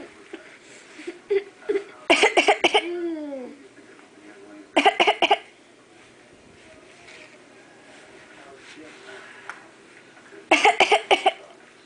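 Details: Three short fits of rapid, forced, deliberately faked coughs separated by quiet; voluntary (fake) cough.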